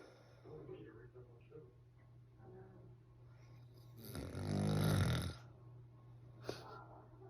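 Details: Male partner snoring: quiet breathing builds into one loud, rough snore lasting about a second, over faint room noise.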